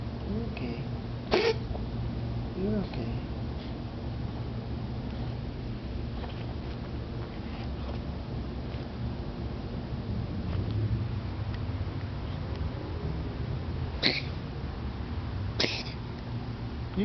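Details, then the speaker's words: Three brief, sharp sneeze-like bursts from a cat seconds after being given liquid medicine, recorded for the vet; the owner is unsure whether it is a cough or a sneeze; cat cough and sneeze. "So, she does that right after you give her medicine for a few seconds, which is the same as the cough that I was describing. I don't know if it's a cough or not, but there it is."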